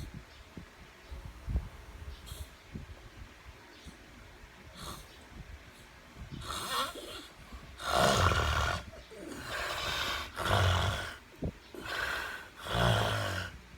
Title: snore